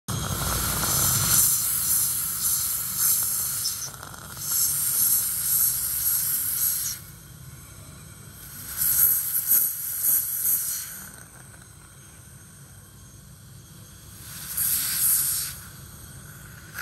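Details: Bursts of loud hissing spray with a faint steady tone beneath, separated by quieter gaps, from an AirJet 1S air-flow prophy unit used for scaling and teeth-whitening spray polishing; dental air polisher.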